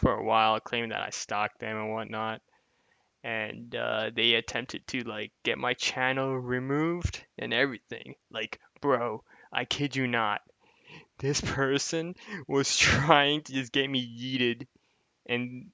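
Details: Adult male speaker; typical speech.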